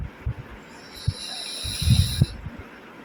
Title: Asleep Snoring sound of pug puppy TOM -original #shortsvideo #shortsfeed